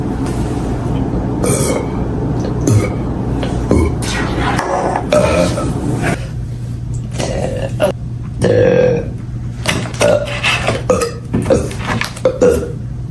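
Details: Burping compilation: a series of loud, gurgling belches over steady vehicle noise.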